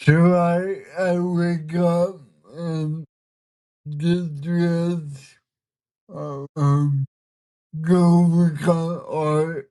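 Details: Dysarthria from cerebral palsy in a 32-year-old man, a bodybuilder and artist; listeners say he is hard to understand at first and that communicating is sometimes hard for him; real, not acted.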